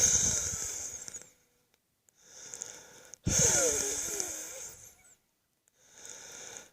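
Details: Close-up recording of own chest wheeze before a wet coughing fit: noisy breaths with whistling musical tones mostly on expiration; wheeze.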